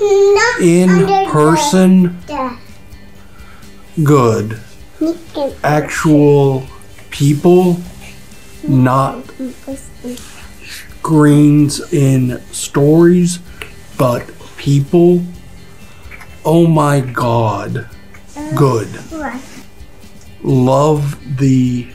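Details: Adult man with nonfluent aphasia after a large stroke; he has trouble getting his ideas out in complete sentences.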